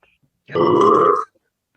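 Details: Spontaneous burping: one loud, drawn-out, croaking belch lasting under a second.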